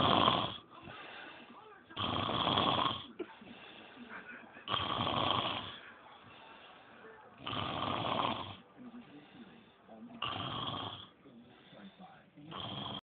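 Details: A person sleeping and snoring: about five loud, rattling snores on each breath in, with softer breathing out between, near 22 breaths a minute.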